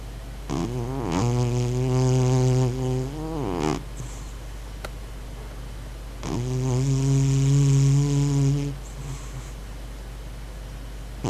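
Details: Sleeping cat, possibly dreaming, snoring: two long, loud, buzzing, low-pitched snores about five seconds apart, with quiet breathing and a steady low hum between them.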